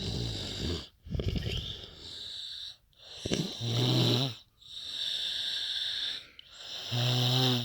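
Loud, rumbling snores with whistling, tonal edges, about 18 breaths a minute, separated by brief quiet pauses.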